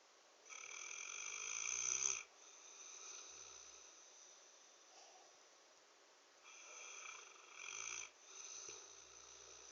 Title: Mr snores-a-lot